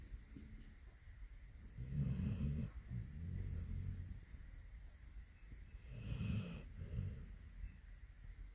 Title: can you hear him snoring 😅🐕